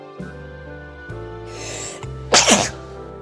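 A single loud, explosive sneeze with a brief in-breath before it, over steady background music.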